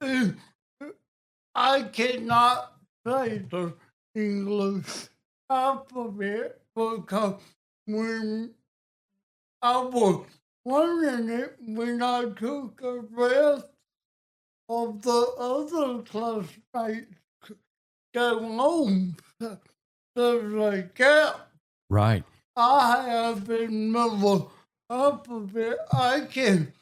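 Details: Adult man with cerebral palsy and a speech impediment since childhood, with balance problems; dysarthria (cerebral palsy).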